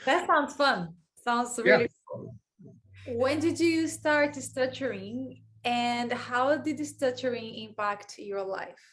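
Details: Adult female speaker; normal speech.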